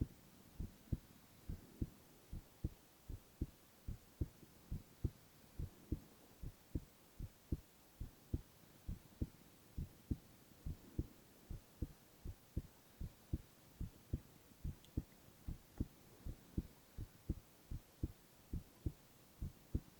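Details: Male ASMR recording of his own heart with no talking: steady, regular heartbeat with paired low thumps at about 70 to 75 beats a minute; heart sounds.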